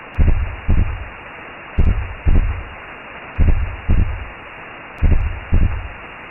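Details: Simulated womb sound made as a sleep aid for babies: deep paired whooshing thumps of a maternal heartbeat, about 37 a minute, over a steady hiss.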